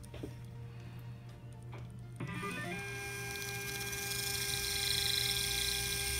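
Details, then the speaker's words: 2.3 mm implant twist drill cutting an artificial mandible at a molar extraction socket, simulating immediate zirconia implant placement: low motor hum, then steady rising high-pitched whine with grinding. "This is how the drilling is looking like. And we again check the direction of the drilling."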